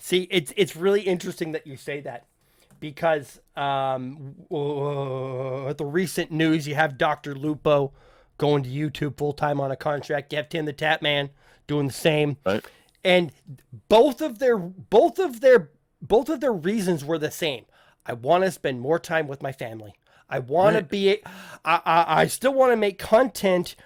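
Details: Adult male podcast host who says he stutters, with listeners in voice chat often asking him to repeat himself; stuttering.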